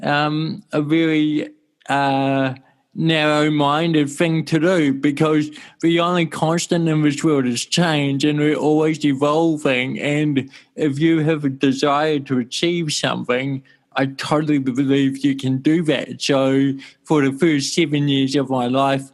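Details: Mild dysarthria from congenital cerebral palsy in an adult male born in 1984, with walking also affected.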